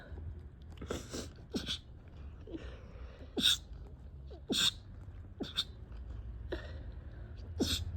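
Repeated short explosive sneezes, about eight in quick succession over several seconds; a sneezing fit.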